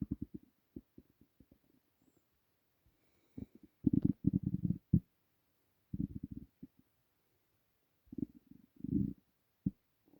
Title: Empty Stomach rumbling